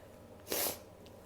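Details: Female sneezing: one brief, soft, hissing burst of air over faint room noise, a single stifled sneeze.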